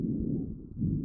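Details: Continuous musical whistling wheezes over a child's chest, as in asthma with airway obstruction, recorded with the StethoMe electronic stethoscope and classified by AI.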